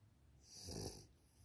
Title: Victorian Bulldog, Snoring Again #eastcoastinbulldog #victorianbulldog #bulldog puppy #snoring